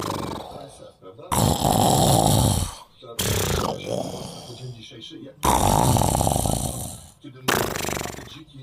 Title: Tyson 🐈 Please stop snoring 🤣🐯